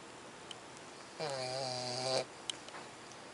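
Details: Young puppy snoring: one drawn-out, buzzing, tonal snore of about one second, with quiet room noise and a few faint clicks around it.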